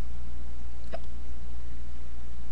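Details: Person at 9:15 pm recorded on a webcam while having hiccups: a single short, abrupt hiccup against a steady low background hum.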